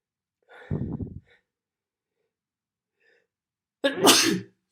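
Two sneezes: a soft first one with a quick intake, then a louder, sharper burst after a pause.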